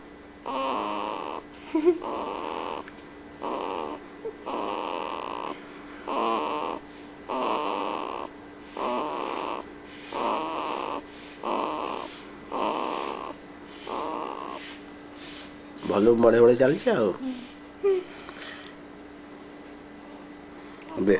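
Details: One-month-old infant snoring: short, regular noisy snoring breaths, about 45 a minute, with a faint steady background hum and a brief whimper near the end.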